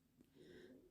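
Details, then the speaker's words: Faint, brief nasal rumble and snuffle from pet dogs sleeping snuggled around the owner during a voiceover; quiet dog snoring. "also apologies if you can hear any snoring and snuffling in the background I'm doing a voiceover and the doggies are snuggled all around me so"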